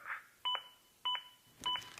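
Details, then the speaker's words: ZOLL AED Plus adaptive CPR metronome: evenly spaced two-tone beeps about every 0.6 seconds, pacing chest compressions toward at least 100 per minute, with faint compression thuds. "The beeps act as an adaptive metronome that monitors my compressions and tries to speed them up to at least 100 per minute."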